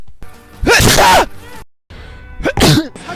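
Two loud, voiced sneezes from an adult in quick succession, with soft music in the background.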